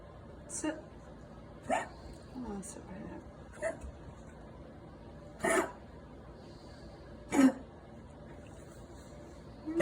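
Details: Pet dog gives about six short, dry, harsh coughs spaced irregularly over ten seconds while being told to sit. Dog cough.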